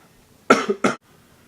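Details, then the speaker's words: Two short, sharp coughs close together in a quiet room, coughing while about to take medicine; person calls it a great big cough. "why do I always start coughing when I start doing this"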